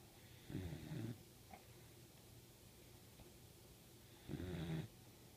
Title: Puppy snoring